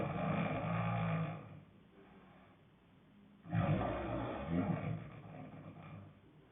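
Loud, low, rattling growl-like snores on two breaths, with a quiet gap between them; heavy snoring.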